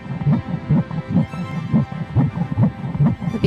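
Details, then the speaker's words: Fetal heartbeat on ultrasound: fast rhythmic whooshing pulses at about 140 a minute, with music underneath. "(Latidos del corazón) En el momento en que vi ese latido del corazón cambió todo, todo."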